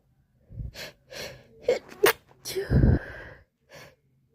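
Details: Sneezing attack in a person with allergies and hay fever: a quick run of sharp, forceful bursts with short breaths in between; a sneezing fit.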